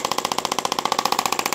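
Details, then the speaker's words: Rapid, regular mechanical tapping at 15 Hz from a radial shockwave device on the heel and arch of the foot in a podiatry office; radial shockwave therapy. "I try to get it up to at least 2.5 and if they have pain they'll let me know if it hurts too much I I'll go down"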